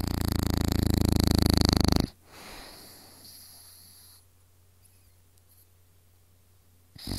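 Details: Woman who doubted she snored: a loud, low, fluttering rattle for about two seconds, then quiet room noise; snoring.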